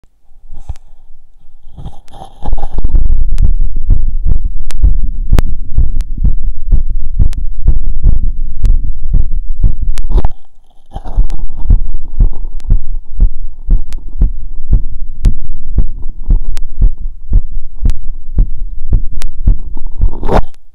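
Regular, steady heartbeat thumps through a stethoscope at the mitral area, with a low rumbling background.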